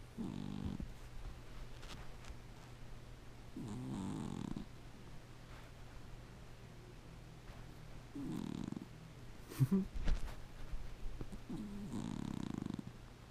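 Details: Gizmo snoring very loudly: low, rattling snores recurring every few seconds over room hum, with a brief higher squeak midway.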